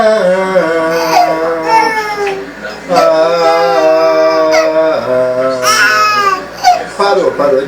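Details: An infant cries in sustained, tonal wails in a small room while the father sings a Luan Santana song nearby.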